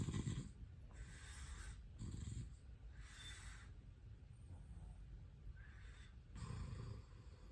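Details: Recording tagged sleep apnea and snoring: soft, low, fluttering snores recurring every few seconds against background hiss during sleep; snoring.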